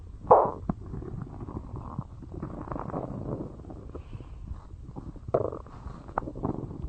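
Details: Low gurgling, rumbling stomach noises with a few louder pops; stomach growling (borborygmi).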